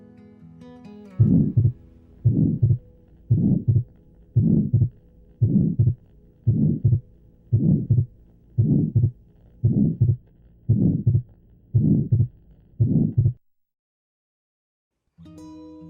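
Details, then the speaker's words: Pediatric congenital heart teaching audio, about 57 beats a minute: systolic murmur loudest at left second intercostal space with second heart sound split fixed in both inspiration and expiration; atrial septal defect. "La comunicación interauricular casi siempre se acompaña de un soplo sistólico con intensidad máxima en el segundo espacio intercostal izquierdo y de un segundo ruido desdoblado de forma fija, tanto en inspiración como en expiración, tal como puedes escuchar en este audio."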